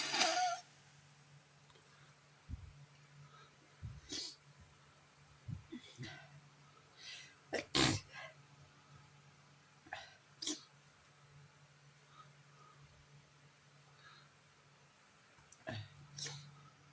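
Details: Sneezing from allergy on a bad allergy day: several sharp, explosive sneezes spread over quiet room noise, with possible nose blowing between them.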